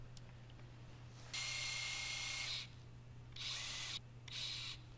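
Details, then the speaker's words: Dorsal approach to scaphoid fracture fixation with an Acutrak 2 mini screw, drilling for a 20 mm screw: three bursts of high-pitched motor whine as the drill is pulsed, over low room hum; surgical drill. "a lot of times I'll pulse the drill and pull it out and I'll take a picture to make sure I'm not pulling the wire out"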